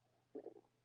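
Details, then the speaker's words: Brief low gurgling stomach growl in a few bubbling pulses, with faint room noise; volume boosted: borborygmi. "why is my stomach being like this why is it growling"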